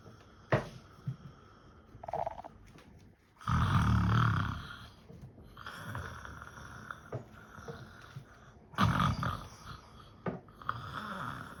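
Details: Man pretending to sleep and snore to distract someone: loud, rough, snorting snore sounds in two bursts over quiet room noise; imitated snoring.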